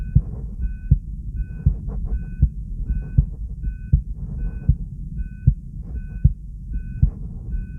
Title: Heartbeat sound (steady and normal) + EkG subj.-b1